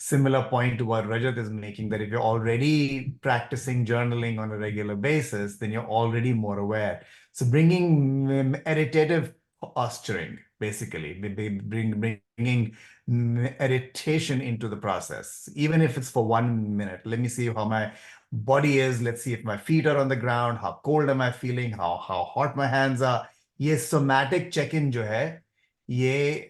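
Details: Adult male speaker; stuttering.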